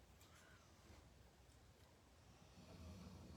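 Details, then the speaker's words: Sleeping dogs in a quiet room give faint, low rumbling snorts and breathing: soft snoring. "if i'm quiet you can hear the dogs just snoring"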